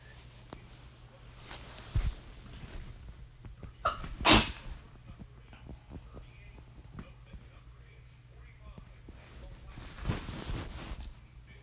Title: Sneezing Mess